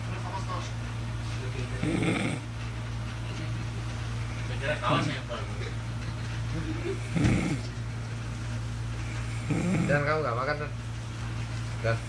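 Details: Person snoring while asleep: irregular rough snores about every three seconds over a steady low room hum; ordinary sleep snoring.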